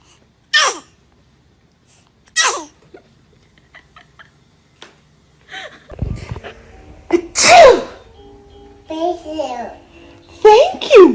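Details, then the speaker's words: Two small, sharp infant sneezes, then adult voices, with music in the background. "baby is a dramatic sneezer"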